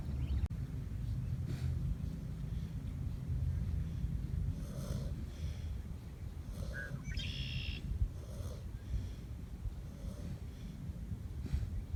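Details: Two Kunekune pigs napping outdoors in the sun: low rumbling snores with a few snorts over steady outdoor background noise. Snoring.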